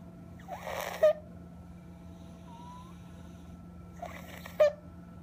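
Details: Stridor with retractions in a patient having breathing complications after 3 days of inpatient care: two noisy breaths with a brief high-pitched edge over a steady machine hum.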